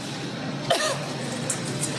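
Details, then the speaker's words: Woman in a Nebraska grocery store, unmasked, gives one forced, deliberate cough at other shoppers amid shop noise and music; she claims allergies. Voluntary cough. "okay but you don't have to be coughing up you don't know who's sick or not that's my allergies"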